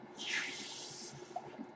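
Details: Podcaster's own ventilator audible in the background while they speak; mechanical ventilator noise.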